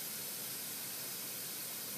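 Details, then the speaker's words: Steady continuous gas-flow hiss from a SiPAP neonatal ventilator giving nasal CPAP on a training mannequin, with no breath cycling, as flow is adjusted to set CPAP pressure, e.g. lowered toward 4 cm H2O; normal CPAP flow hiss. "so I can Target my cpat pressure by adjusting the flow and that's a that's one of the key elements of the cath device"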